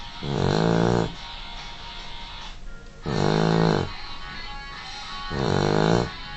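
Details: Dog snoring: three loud, drawn-out, rumbling snores about every 2.5 seconds, roughly 24 breaths a minute, over a steady background hum.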